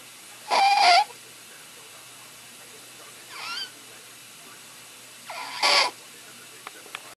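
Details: Sleeping child after tracheostomy removal (August 2011) breathes with harsh, high-pitched, crowing noise: stridor from a narrowed upper airway.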